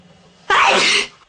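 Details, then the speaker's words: A person with ragweed allergy announcing repeatedly they must sneeze, then one sharp, explosive, hissing burst of air about half a second long; a single allergic sneeze. "I'm going to sneeze. I have I had to sneeze. I have to sneeze."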